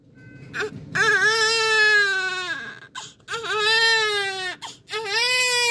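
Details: Loud, high-pitched crying in repeated strong bursts with short breaths between, with faint music behind; a vigorous cry from a newborn just delivered by emergency C-section.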